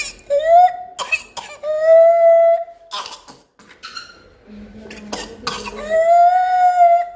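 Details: Child with pertussis (whooping cough): harsh coughing bursts alternating with long, high-pitched crowing whoops on breathing in.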